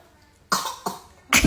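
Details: Infant (baby) coughing on request while playing, told to cough again with mouth covered: three short, breathy voluntary cough bursts, playful and not a sign of illness.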